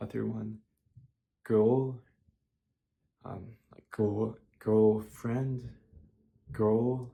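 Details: 24-year-old with childhood apraxia of speech (verbal dyspraxia), practising avoided words in a word-list demonstration, here the word "girl", which has improved but gave him trouble; childhood apraxia of speech.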